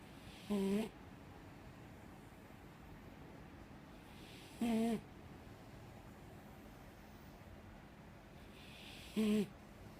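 Three soft, brief snoring sounds about four seconds apart, about 13 a minute, over quiet room noise: gentle snoring in a sleeping dog.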